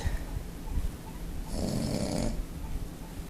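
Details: Sleeping pug snoring: a single low, rattling snore on an indrawn breath with faint room noise.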